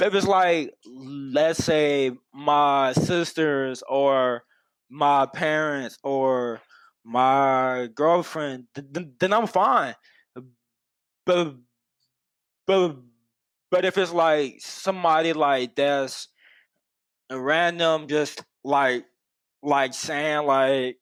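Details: Adult man who has stuttered for as long as he can remember, with speech therapy from his first school year through his senior year of high school; stuttering.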